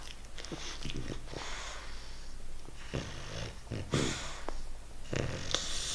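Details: Young English Bulldog with a runny nose snoring while asleep: wet, snorting snores with rattly nasal noise on each breath.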